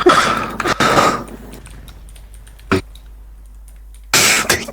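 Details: Cough: two or three short, harsh cough bursts separated by quiet room noise, with faint background clicking, during a gaming session.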